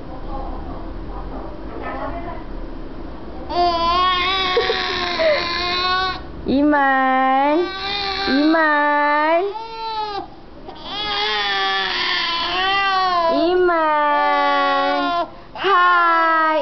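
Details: Infant crying: long, rising and falling wails with catch-breaths between them, after brief fussing at the start.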